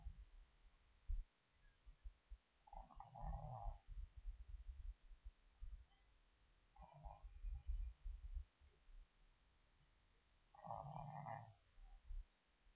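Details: Child snoring while asleep inside a car, recorded by webcam: low, rumbling, rattly snores recur every few seconds against car background noise.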